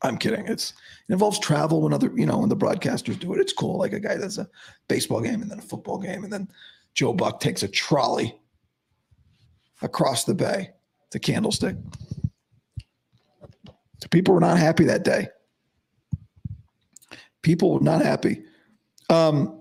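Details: Male host with dysphonia about five to five and a half weeks after vocal cord surgery; he reports daily improvement but likely unchanged from yesterday after heavy voice use and no sleep.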